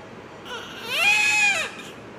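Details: One strong, high-pitched, clear wail lasting about a second from a newborn just after delivery; a newborn cry.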